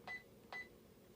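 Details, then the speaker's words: Two short quiet electronic beeps as a volume to be infused of 100 is keyed into a Baxter Spectrum IQ smart IV pump; infusion pump keypad beeps. "which essentially means how much fluid is in the bag that i'm hanging right now we have a hundred so i'm going to type that in"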